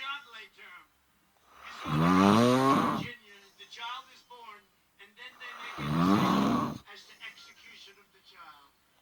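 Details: Woman snoring in her sleep, recorded by her partner: two loud, rough inward snores about four seconds apart, with faint television talk in the background.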